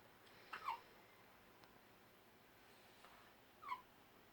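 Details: A newborn baby's hiccups: two soft, brief hiccup sounds about three seconds apart, faint against quiet room noise.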